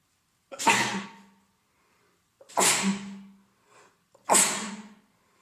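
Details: Three forceful sneezes in quick succession, each with a brief inhaled lead-in, from an adult male with a head cold for three days, congested, runny nose, sore throat; sneezing.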